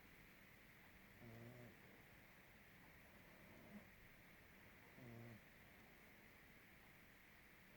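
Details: Pug snoring very loudly: two loud, low, rattling snores about four seconds apart over a steady background hiss.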